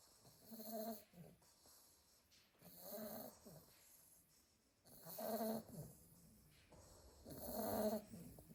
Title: Snoring sleepy pile of staffy puppies 🐶